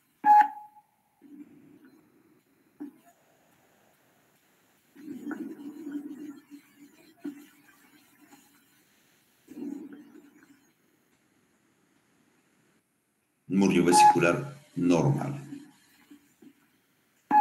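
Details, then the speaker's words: Normal vesicular breath sounds heard with a stethoscope over the back of the chest during a respiratory examination class; soft, low breathing, described as almost normal, what is normally heard. "normal es esto est es bur vesicular casi normal no prácticamente eso es lo que normalmente escuchamos"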